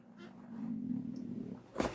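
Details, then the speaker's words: Stomach growling (borborygmi) during a morning fast while hungry, picked up by an in-ear microphone: a low, drawn-out rumbling gurgle from an empty stomach, a normal hunger growl that happens every morning. "I thought it was the cat. No, that was my belly."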